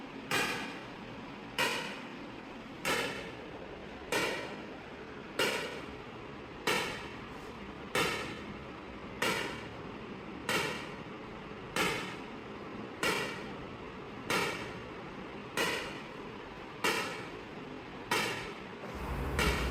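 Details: Extracorporeal shock wave lithotripsy on a patient with a right kidney stent and residual stones after surgery, stone checked and still in focus, session going well; sharp, regular cracking shocks about 47 per minute, each with a brief ringing tail.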